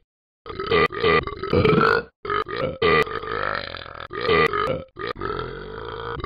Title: The Burping Ben Rap